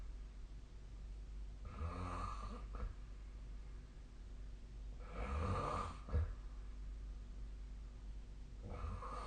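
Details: Snoring in sleep, recorded with the SnoreLab app: low, rumbling snores on each breath in, about 18 breaths a minute, steady room hum; ordinary sleep snoring.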